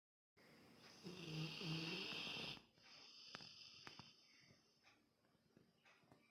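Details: Sleeping dog: one long droning, vibrating snore on a breath, then quieter snuffling breaths; snoring.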